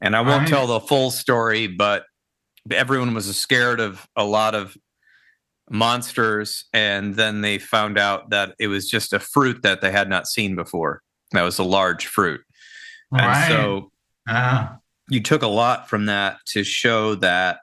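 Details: Adult male speaker; normal speech.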